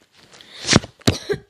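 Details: Two or three short, forceful coughs from an adult, the first preceded by a rising breath, in a small quiet room: cough.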